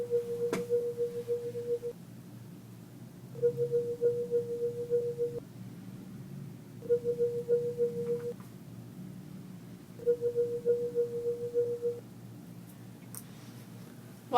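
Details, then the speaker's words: Tuning fork fracture test on a patient's fingers: fork activated and heard through a stethoscope bell placed skin on skin on each finger. Four steady humming tones, each about two seconds, with quiet gaps. Pain or pulling away suggests fracture. "are still listening for that humming sound you're also going to feel your patient and if she's pulling away if she's saying it hurts there's a good chance that it's a fracture even if you hear the humming sound"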